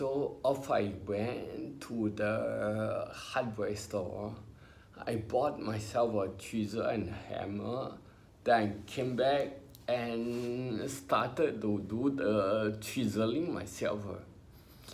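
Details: Adult male with spinocerebellar ataxia diagnosed by a neurologist about 20 years earlier, in his twenties, affecting motor skills including talking, who mentions speech therapy: ataxic dysarthria.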